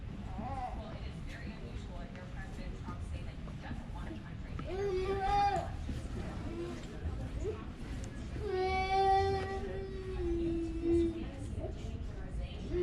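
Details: Young sick child crying in drawn-out wails, with a quieter background and brief talk.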